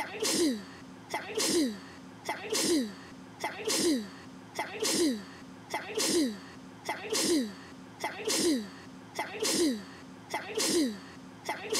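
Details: A child sneezing about ten times at a steady pace; an ordinary sneeze.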